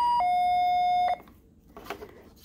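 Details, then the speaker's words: Steady two-tone electronic alarm from a MedFusion 3500 syringe pump, used for infant IV medication, sounding because no syringe is loaded, then faint handling clicks; syringe pump alarm. "So this one is angry at me because it says I didn't load the syringe."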